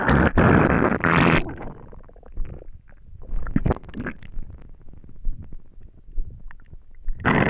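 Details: Empty, hungry stomach after not eating for a day: loud gurgling rumbles with rapid irregular popping and bubbling, ordinary hunger borborygmi (stomach rumbling).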